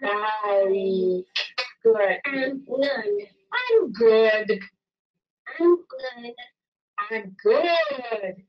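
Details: Boy with childhood apraxia of speech receiving Dynamic Temporal and Tactile Cueing (DTTC) therapy, with the clinician targeting intonation and accurate stress; childhood apraxia of speech.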